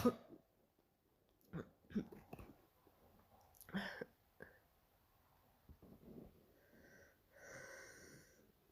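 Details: An adult imitates a barking cough: several short, harsh cough bursts followed by a high, whistling indrawn breath.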